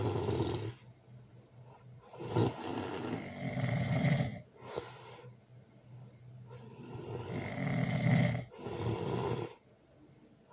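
Loud, rough, rattling snores on each breath, about 15 breaths a minute, with quieter gaps between; heavy snoring.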